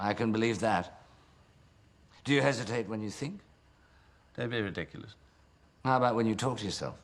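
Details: Adult male actor, film dialogue; Normal fluent speech.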